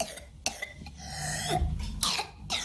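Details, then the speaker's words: Child's run of quick coughs, a drawn-in high-pitched breath, then more coughs, identified as whooping cough, a vaccine-preventable disease seen more often recently: pertussis. "Bu aslında bizim son zamanlarda daha çok görmeye başladığımız boğmaca öksürüğü. Boğmaca aşıyla engellenebilen bir hastalık."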